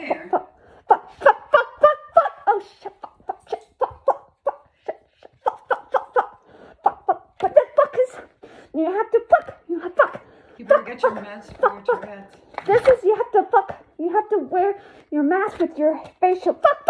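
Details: Tourette syndrome vocal tics with coprolalia: bursts of repeated involuntary swearing and words as the tics flare up.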